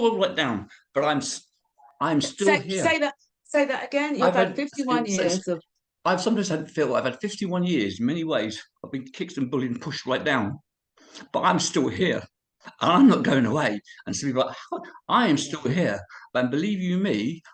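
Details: Man of about 51-52 with cerebral palsy and HIV, who reports a speech impediment and being unable to say certain words: dysarthria (cerebral palsy).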